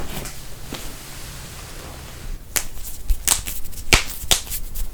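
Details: Several sharp pops and cracks after quiet room noise: joint cavitation during manual adjustment of knuckles, neck, back or toes, a harmless release of gas in the joint.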